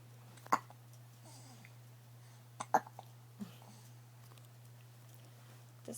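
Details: Ordinary hiccups: brief, sharp gulping sounds at irregular intervals over a steady low hum.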